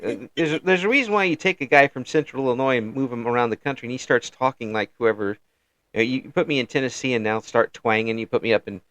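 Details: Adult man speaking; no speech disorder.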